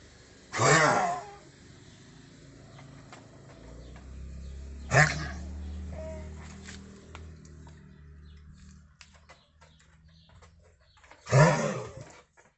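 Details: 9-year-old Central Asian Shepherd (Alabai) with a persistent cough of unclear cause, undiagnosed by vets, cough accompanied by vomiting: three harsh, explosive coughs over about twelve seconds with rumbling breath between.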